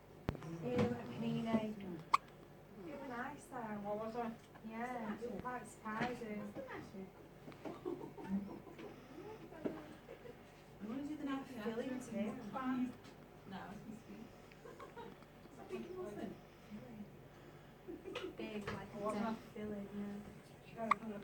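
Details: Murmured conversational speech broken by a few sudden, sharp gulping clicks consistent with hiccups.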